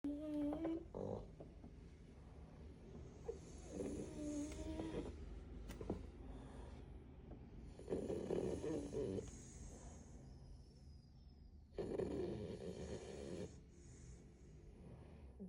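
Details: Loud rattling snore bursts with breaths between from sleeping French bulldog puppies, two hours into a remote-work day; ordinary dog snoring.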